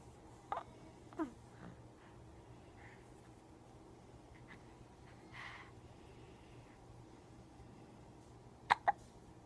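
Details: Several brief, sharp catching sounds, some in close pairs, over a quiet room; hiccups.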